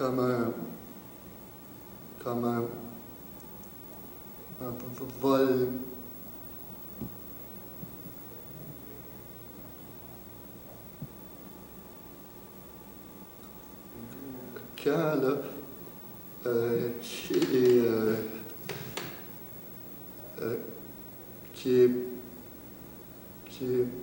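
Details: Stuttering, severe, in a French-speaking adult man who has stuttered for several years and speaks with great difficulty.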